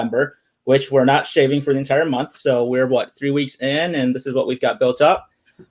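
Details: Adult male speaker; Normal speech.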